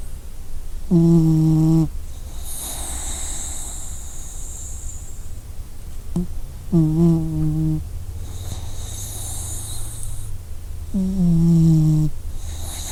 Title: Enjoy company with snoring puppy! | by WellBeBee 🌀